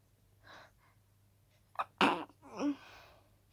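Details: Harshly stifled sneeze at night: an inhaled gasp, then a tight, harshly suppressed sneeze burst followed by a breathy exhale.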